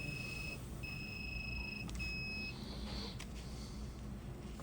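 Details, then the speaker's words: Steady high electronic beeping over low motor noise as a dental implant motor with contra-angle driver stops at its 30 Ncm torque limit while placing a 3.0×13 mm Mono implant; torque then raised to 60 Ncm. "now you hear the beeping we reached 30 new cm of torque and the implant motor actually stopped at 30 so we're going to go up to 60 newon cm of torque"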